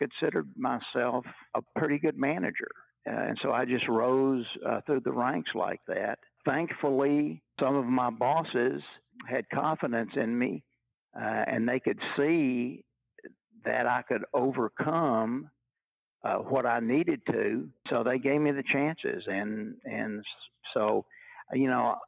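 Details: Stuttering in a retired adult man who has stuttered all his life, since he first began talking in childhood in the 1950s; stuttering.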